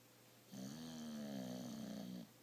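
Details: Sleeping individual: one long, droning snore lasting nearly two seconds, with a steady humming, almost whistling tone over quiet room noise; snoring.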